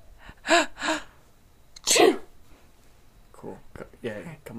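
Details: Acted sneezes performed on request, a simulated sneeze: two quick sneezes, then a louder third, followed by faint voice sounds in a quiet room.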